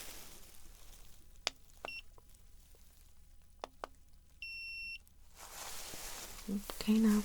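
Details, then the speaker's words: A few soft clicks, then one steady half-second electronic beep: a forehead thermometer reading in a simulated ASMR ER neurological exam of a patient who fainted and lost consciousness. "Now, I'm going to check your temperature, my love. All right. I'm going to pop it on your forehead."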